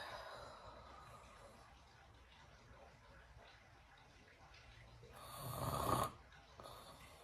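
Quiet breathing rising to one harsh, rattling inhaled snore near the end, over faint room noise; snoring.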